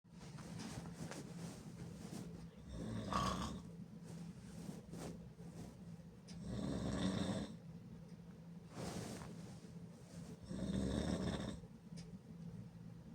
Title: Me snoring like a motorcycle very loud and hard with my mouth open